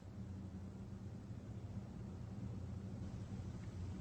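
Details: Stethoscope auscultation over the renal artery in a patient with hypertension, listening for a bruit: none heard, no renal artery bruit.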